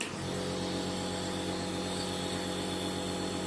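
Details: Steady loud motor hum and buzz of a home nebulizer compressor running without pause, room noise around it; a mother nebulizing her young son, who has had a cold and cough for two to three days.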